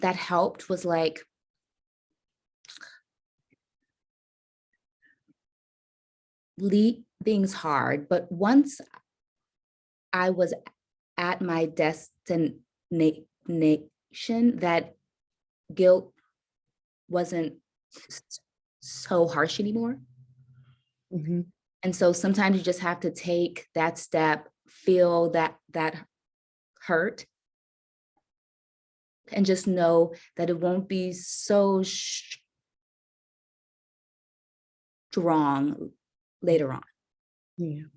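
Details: Adult woman caregiver with a self-reported stutter; stuttering.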